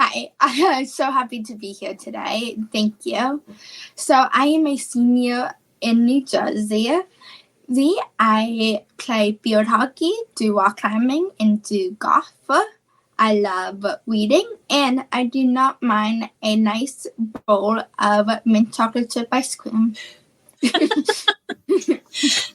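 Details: Childhood apraxia of speech, a neurological speech disorder, in a female high school senior; speech therapy since about age four, once only 10% understandable.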